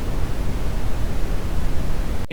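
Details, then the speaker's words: Brown noise used as a tinnitus masker in hearing aids: a steady, deep rumbling hiss with more emphasis on low tones than white or pink noise. "और भूरा शोर, कम स्वर पर अधिक जोर।"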